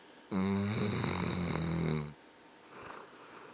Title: Funny, loud snoring coming from our dog!!!